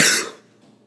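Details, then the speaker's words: Man with a lingering cough after being very sick for a month: cough during speech. "I got sick very sick for the entire month of October and so I saw the linger and cough so if you hear it that's why"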